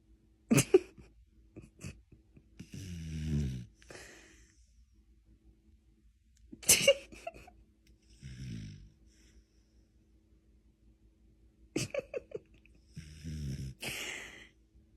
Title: Funny dog sleeping smiling and snoring video! 😂😂😂💤💤💤